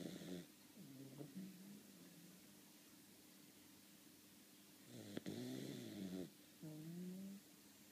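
Short rattling, wavering snores with some whistling tones, several in a few seconds, over quiet room noise: snoring.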